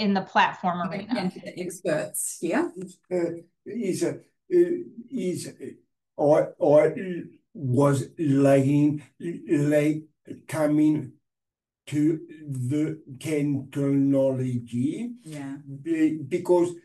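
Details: Adult man with aphasia after a stroke 6 years earlier, hospitalized 6 months, reporting difficulty speaking and not reading since; aphasia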